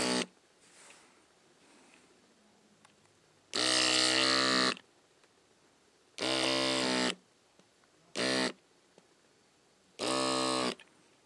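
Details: Four loud one-second buzzing suction bursts with pauses from a baby nasal aspirator fitted with a thin silicone tip, cleaning a "blowhole" after light saline flushing.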